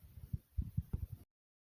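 Soft, low thumping beats in a regular rhythm over about a second, consistent with a normal heartbeat.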